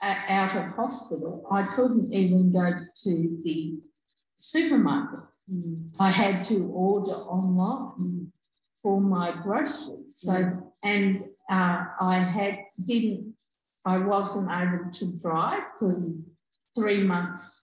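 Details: Adult woman, real stroke survivor, stroke in August 2020; initially could only say "um"; regained simple communication by about week two with speech therapy; still has word-finding difficulty and delayed output; aphasia after stroke.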